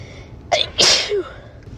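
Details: Person with a cold and a very itchy, sensitive nose; the recording covers stifled sneezes, a post-shower fit, and sneezes induced with a spray and tissue: a quick in-breath, then one loud, explosive sneeze with a short trailing voice sound.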